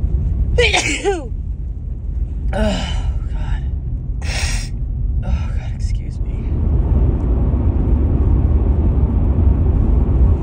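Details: Female with a cold or allergies, recorded 9–14 March: several sneezes in quick succession, some with a rising voiced "ah" before the burst, over a steady rumbling background; sneezing.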